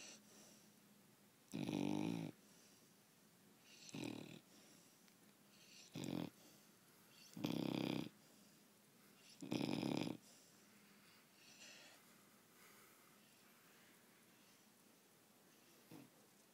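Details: 4-month-old baby asleep on the bed, snoring: repeated rattling, wheezy snores about every two seconds, roughly 25 breaths a minute, some fainter; snoring.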